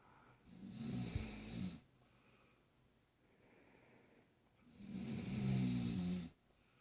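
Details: A person snoring during sleep while a baby moves: two deep, low, rumbling snores with a slow, quiet breath between them. Ordinary snoring.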